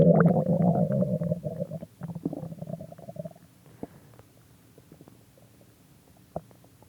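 Low gurgling growl that fades after about three seconds into soft bubbling pops: stomach growling from gas and fluid moving in the gut, a normal finding.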